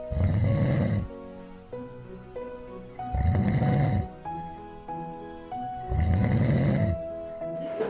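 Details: Two on-duty police officers asleep in a patrol car on the street in Tacna: three loud, low, rattling adult snores about three seconds apart over background music; snoring.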